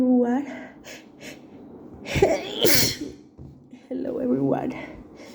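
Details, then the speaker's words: A woman with night allergies, sneezing at work after an allergic reaction in a co-worker's bathroom, speaks briefly, gasps, then gives a forceful sneeze followed by more voiced breathing; allergic sneezing. "I'm at work and I just got allergic to co-workers bathroom and I really need I got I got I'm sorry."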